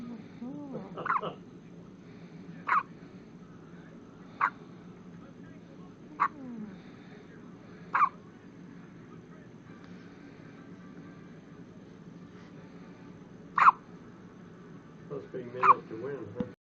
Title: with hiccups